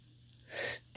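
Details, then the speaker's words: A single sharp, hissing burst of air through nose and mouth after a tickling build-up, from an adult man; sneeze. "Oh, it's tickling. Oh, it's tickling. You can see. I can you see again. Oh my God. One more."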